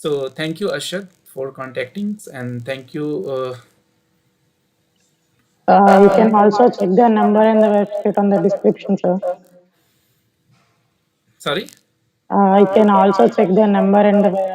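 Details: 16-year-old male before treatment, voice described as feminine and high-pitched from keeping the childhood voice after puberty; puberphonia.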